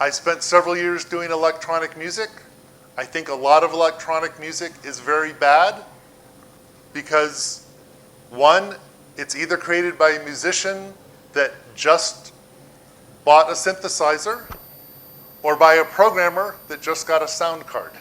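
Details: Adult male speaker; normal speech.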